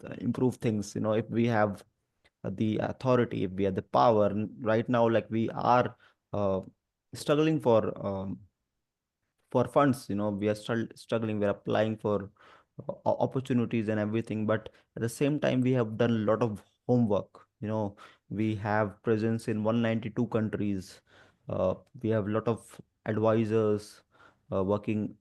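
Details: Adult who stammers (stutters) and is a disability advocate, with stuttering reported especially on the "through" sound and on his own name; stuttering.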